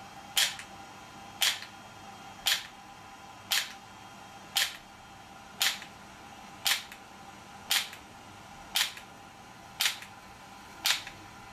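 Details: Sharp, evenly spaced clicks, about one per second, from an ESWT shock wave therapy device delivering pulses in a demonstration for muscle and bone pain relief; normal device operation.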